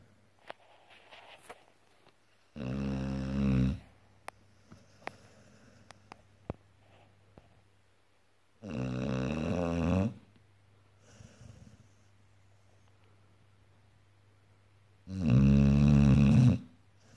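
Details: A sleeping pit bull: three loud, deep rattling snores spaced several seconds apart, with quiet room noise between; ordinary heavy snoring.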